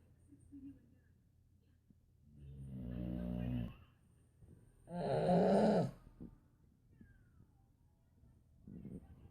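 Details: A 1-year-old girl imitating a boxer dog's snoring: two loud, rough, low snorts in a quiet room, a mix of the dog's snoring and the toddler's grunting imitation; snoring.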